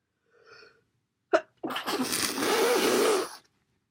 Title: Sneezes and blows